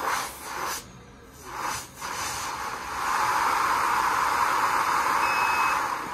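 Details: Rushing airflow hiss rising and falling briefly, then a steady loud hiss as a BiPAP machine with face mask and humidifier runs at IPAP 16 and EPAP 8, started after unlocking parameters.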